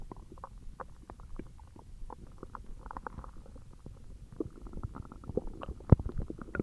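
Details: Stomach growling: irregular, continuous gurgling, bubbling and squeaky belly rumbles; ordinary bowel sounds (borborygmi).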